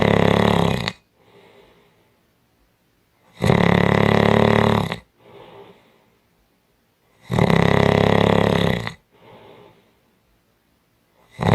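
Loud, harsh rattling snores on each breath in, with quieter breaths out, about 16 cycles a minute; heavy snoring.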